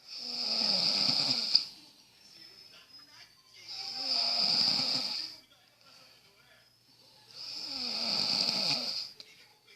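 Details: Man snoring while asleep: three long snores, about 17 breaths a minute, each with a high whistling hiss over a low rattle.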